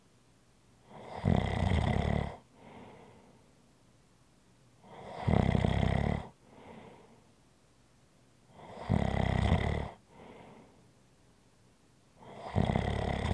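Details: ASMR relaxation recording: loud rattling inhaled snores about every 3.7 seconds, roughly 16 a minute, each followed by a softer exhaled breath. Snoring.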